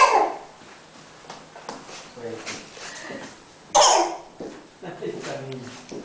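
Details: Playful, put-on cough bursts from someone clowning around, mixed with playful vocal sounds in a small room; an acted cough.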